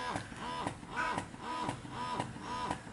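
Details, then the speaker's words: Rhythmic motor whirring cycles, about two per second, with a hum that rises and falls: a Pigeon GoMini double electric breast pump running in suction mode, shown after three months of use. "dan cirinya pompanya bekerja Ini kelihatan di sini ya jadi dia menghisap yo"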